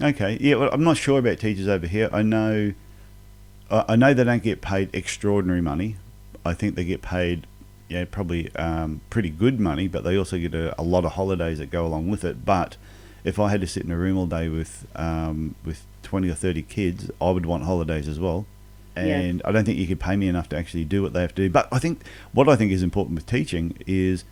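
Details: Adult male speaker; normal speech.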